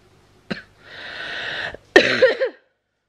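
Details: Onset of laryngitis: a short cough, a long hissing exhalation, then a harsh cough ending in strained vocal noise.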